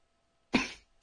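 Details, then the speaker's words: Adult during an asthma attack, with tingling in the throat and a feeling of it closing, gives a single short, harsh cough in a quiet room. "Then I get like tingles in my throat, and then I started feeling like it was closing or something, and then I just kept coughing and coughing."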